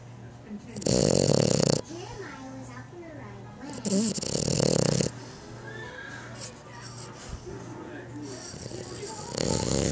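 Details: Young female French Bulldog, who stopped snoring when older, snoring loudly: harsh snorts separated by quieter noisy breathing, with faint background music.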